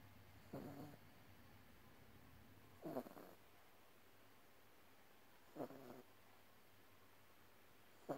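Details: Short, soft, snorting snores, about four breaths in eight seconds, from a pet dog sleeping in a quiet room: snoring.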